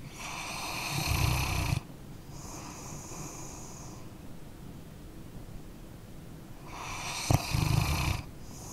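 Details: Sleeping dog snoring: slow rumbling snores with soft breathy sounds between them; ordinary snoring.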